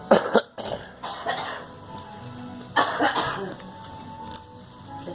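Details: Several short coughs from two people, a girl and the recorder, with music playing softly underneath.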